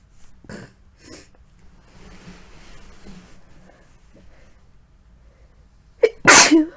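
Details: Person with a lingering cold affecting the throat, sneezes deliberately induced: quiet sniffing and breathy build-up, a sharp catch of breath, then one loud explosive sneeze; sneezing.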